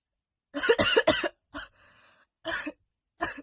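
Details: Adult woman, a smoker, coughs naturally after smoking in a real recording: a short run of about six harsh, wet-edged coughs in a quiet room.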